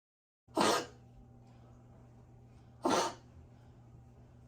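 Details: Two short, harsh coughs from a dog with grade 4 (severe) tracheal collapse, against a steady room hum.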